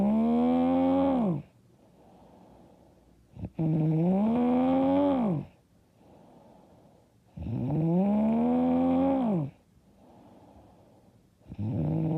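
Loud, rough, voiced snores on each breath in, about 15 breaths a minute, with quiet breaths out between: heavy snoring.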